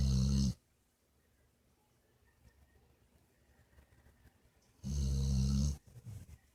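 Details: Snoring: two loud, low rumbling snores about four seconds apart, with quiet breathing between them.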